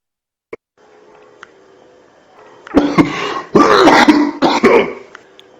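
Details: Three harsh, throaty cough bursts in quick succession after a faint tick and low room hum: an adult cough case.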